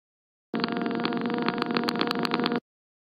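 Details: Laryngeal electromyography (LEMG) example of muscle activity: dense crackling static with a steady hum and rapid, irregular sharp pops.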